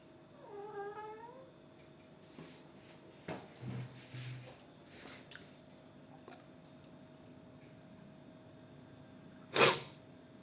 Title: the cat wishes health after sneezing / 고양이는 재채기 후 건강을 기원합니다 #cat